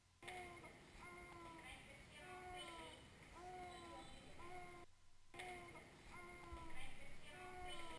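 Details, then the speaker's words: Infant with large subcostal retractions and fast breathing: short, voiced, moaning sounds with each rapid breath, about 60 a minute; expiratory grunting from increased work of breathing. "finally the sound he's making is grunting"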